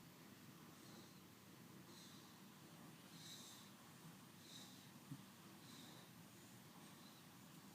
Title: Corgi dog snoring